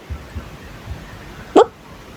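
A single sharp, voiced gulp over quiet room noise, typical of a hiccup.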